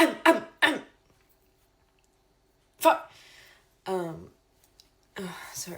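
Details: Adult with Tourette syndrome showing a throat-clearing vocal tic: repeated short, abrupt throat-clearing bursts.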